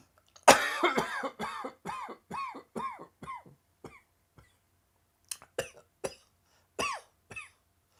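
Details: Dry-throat coughing fit that came on by surprise: about a dozen dry, hacking coughs that fade, then a few more after a brief pause.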